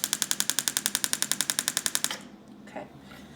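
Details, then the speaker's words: Shockwave (pulse wave) therapy for carpal tunnel syndrome, passed over the carpal tunnel, flexor retinaculum and wrist: rapid regular sharp clicking pulses about four per second for two seconds, then stopping. "right so again pulse wave therapy is a great treatment for carpal tunnel syndrome as well as manual adjustments to the wrist"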